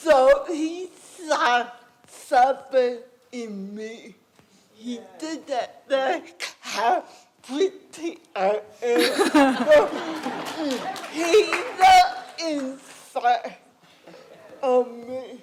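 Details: Adult woman with cerebral palsy and a speech impairment; dysarthria (cerebral palsy).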